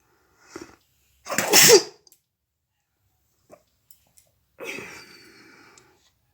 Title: nose blowing sneezing challenges video ( most requested)